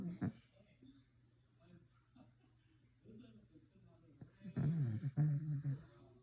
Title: Listen to this dog snore